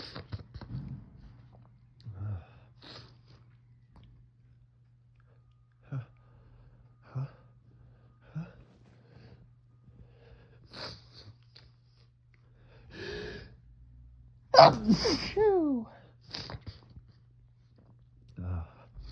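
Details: Fall allergy sneezing in the morning shortly after waking, before shower and meds; suspected ragweed or mold from dead leaves. Soft sniffs and small noises, then one forceful sneeze with a voiced release against a low room hum.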